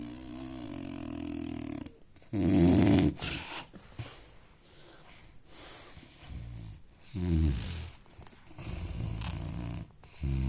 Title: Indian man snoring sound